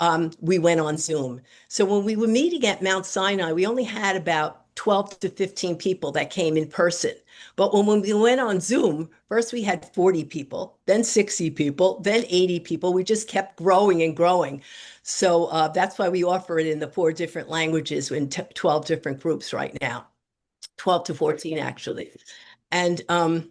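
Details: Adult speaker; normal speech.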